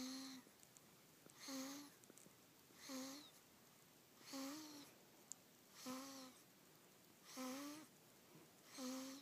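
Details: Infant almost 3 weeks old snoring in sleep after a long day: soft, high-pitched whistling noises on each breath, about 40 breaths a minute.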